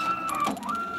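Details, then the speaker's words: Brief rapid mechanical clicking over a steady whine: the solenoid valve switching on a prototype emergency COVID-19 ventilator under test with its controller board. "a gente pode ver a válvula pipe funcionando aqui e a gente pode escutar a válvula solenoide como"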